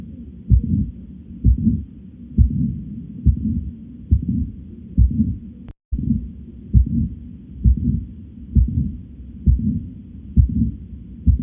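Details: Regular low heart sounds at about 66 beats a minute, with a continuous low hum between beats.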